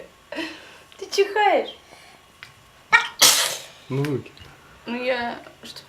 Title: Чихающая девочка - Смешно - Child sneezes